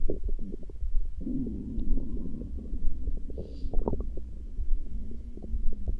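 Continuous low gurgling and rumbling with bubbly pops: stomach growling, ordinary gut sounds.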